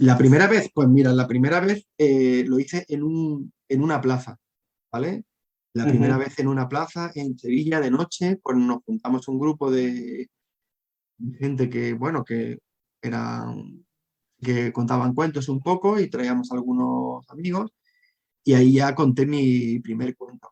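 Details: Adult man who has stuttered since childhood and struggled to hide it, now a storyteller; stuttering.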